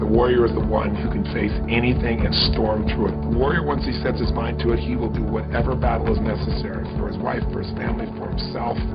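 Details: Adult male speaker; normal fluent speech.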